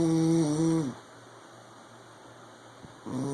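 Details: Adult man (army husband) snoring: loud, droning, buzzing snores at the start and end with a quiet pause between.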